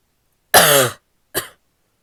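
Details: A female has a barky coughing fit: two harsh coughs, a loud voiced first and a shorter second, with a barky, honking quality.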